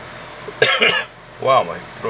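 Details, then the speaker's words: Adult man still getting over a cough, outdoors sipping coffee to loosen mucus in his throat, voice croaky: two short, harsh cough bursts with a throat-clearing quality; cough. "I've moved outside because I'm just coughing too much. I'm just gonna use this coffee to melt the mucus in my throat."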